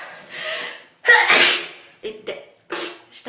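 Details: Japanese girl with a sore nose, sneezing and blowing her nose: a sharp, explosive sneeze with breathy in-breaths and short nasal bursts around it.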